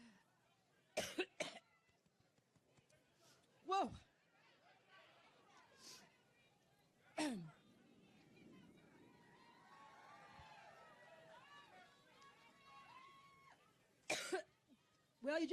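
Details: Adult woman giving a Labor Day campaign speech in Cleveland has a prolonged coughing fit: repeated harsh coughs and throat clearing in bursts between pauses over crowd noise; she jokes about being allergic, later attributed to seasonal allergies.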